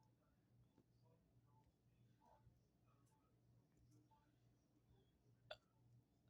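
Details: Hiccup video: a single sharp, abrupt hiccup stands out against a quiet room with a low steady hum.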